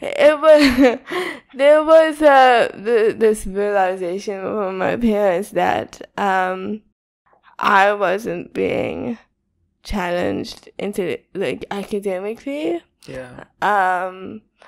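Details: Young woman with cerebral palsy diagnosed at 11 months old; real, not acted; dysarthria (cerebral palsy).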